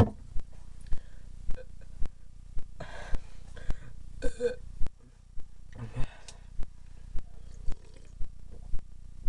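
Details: Repeated low, drawn-out voluntary belching, burping through a Coca-Cola can, over a steady low hum with sharp regular knocks; burping.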